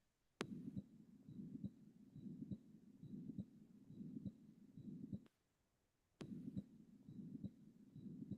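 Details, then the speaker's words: Patient 10 days after anterior-wall myocardial infarction, now in refractory heart failure and shock, auscultated at the left lower sternal border: heartbeat about 69 a minute with a rushing murmur filling the cycle. Post-infarction heart murmur. "A patient of myioardial inffection anterior wall 10 days before the patient now develops refractory heart failure and shock on oscultating the left lower sternal area."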